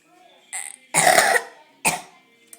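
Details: Deliberately forced cough, not a burp: a short voiced sound then two harsh forced cough bursts, made while attempting to force out a burp.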